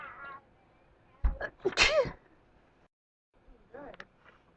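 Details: Person with spring allergies sneezing uncontrollably: a sharp sneeze with a quick breath-in and explosive burst, then a softer second sneeze; allergic sneezing.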